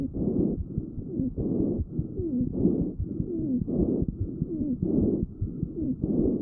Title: Lng sound wheezing #lunges #sound #wheezing